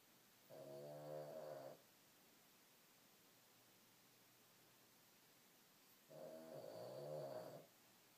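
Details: Two slow, drawn-out rumbling snores about five seconds apart, separated by quiet pauses; ordinary snoring during sleep.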